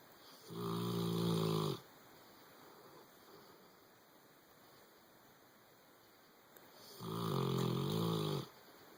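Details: Boxer dog asleep on a bed, snoring: two long, deep, buzzing snores about six seconds apart with quiet breathing between, over steady background hiss.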